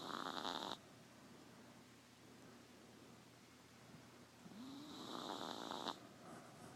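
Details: 3-pound apple-head teacup chihuahua snoring in the dark: two short, raspy, fluttering snores separated by a quiet pause, surprisingly loud for a very small dog; snoring.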